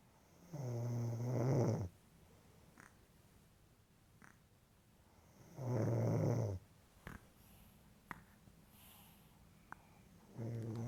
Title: Snore 2 baby